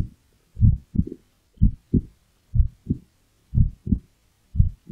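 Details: Normal heart sounds of a pet calico cat heard through a toy stethoscope: steady, paired, low thumps in a quiet room; the heart rate varies with the cat's mood.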